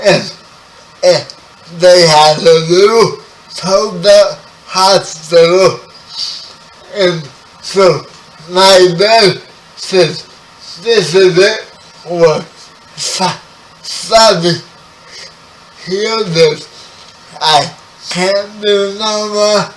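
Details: Spastic dysarthria in a 30-year-old man with spastic quadriplegic cerebral palsy, who was born 11 weeks premature.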